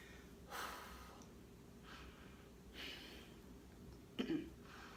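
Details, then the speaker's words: Myasthenia gravis patient before plasmapheresis, out of breath after physical effort; quick, audible breaths with soft puffs about every second; speaker attributes part of it to tumors in the lungs and expects breathing to normalize with rest. "makes me a little out of breath obviously and which I know part of that is from the tumors in my lines but um if I'll sit here for a little bit and just try to breathe and it'll get back to normal"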